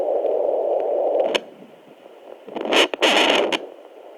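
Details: Windy, rushing whoosh with scraping bursts on a home fetal Doppler, no clear heartbeat rhythm standing out: whooshing sound on fetal Doppler.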